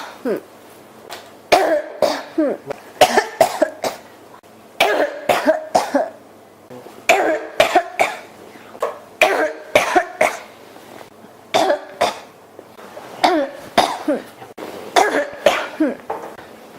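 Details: Adult with a scratchy, irritated throat: repeated clusters of dry coughing bursts with brief pauses between them in a quiet room; persistent cough.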